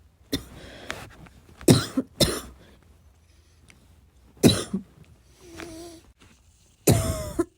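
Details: Self-recorded coughing fit, described as a little wheezy, a little chesty and barking as always: several harsh, loose coughs with throat clearing in bursts; chesty barking cough.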